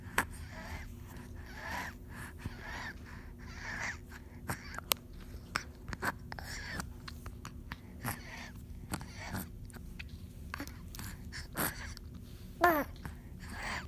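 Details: Six-month-old infant on day two of wheezing: rapid, noisy breathing with a faint whistling wheeze on each breath and a brief whimper near the end.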